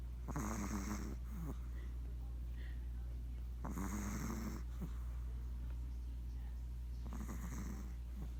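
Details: Snoring during sleep: three rattling snores roughly every three and a half seconds, about 17 breaths a minute, over a steady low hum.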